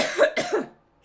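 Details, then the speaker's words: Adult coughing during a live stream, after announcing they need to cough. "excuse me I need to cough"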